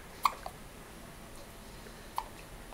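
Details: Infant girl in the hospital where she was born, hiccups after eating too fast: two brief, sharp hiccups about two seconds apart in a quiet room.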